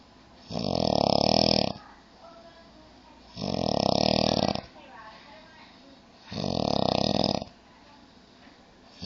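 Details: Heavy snoring from a male drooling on a couch: three loud, rasping snores, each over a second long, about twenty a minute.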